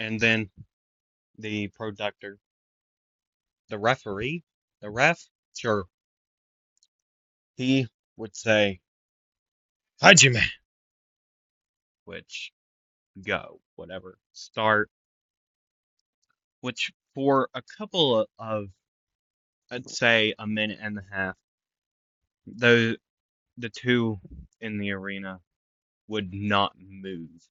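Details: Stuttering in a male narrator who says he stutters a lot, repeats things and sometimes goes quiet; he also reports being congested.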